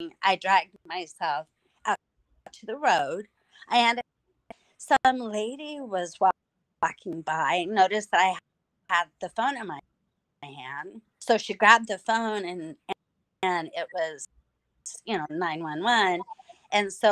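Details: Mild residual aphasia in an adult female survivor of hemorrhagic strokes from a carotid artery tear; she lost speech, relearned it with a speech pathologist through singing, and still sometimes cannot speak.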